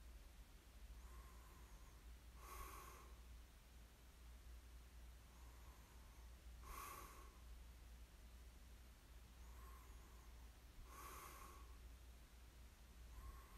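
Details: Light snoring in ASMR sleep recording: quiet, regular snorting snores about every four seconds, roughly 14 a minute, over steady room hum.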